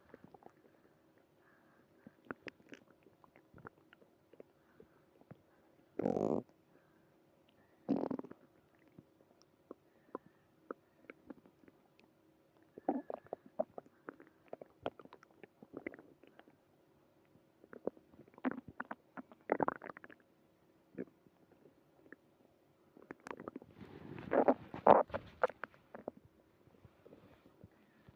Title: Early morning tummy trouble (stomach growling)